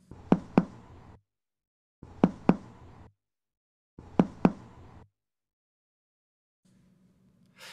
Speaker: A tympanic sound is a loud, high-pitched, long sound that can be heard by percussing the gastric air bubble or a puffed cheek.